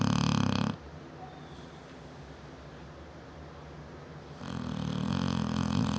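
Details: 7-year-old female Neapolitan Mastiff sleeping, loud enough to hear throughout the house: loud, rumbling, low-pitched snore, one long noisy breath at the start and another building at the end; snoring.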